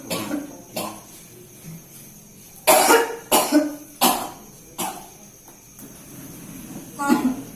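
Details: Cough in a patient with acid reflux, recorded at the patient's home during alternative therapy: about five to six harsh, loose, spaced cough bursts with faint room noise.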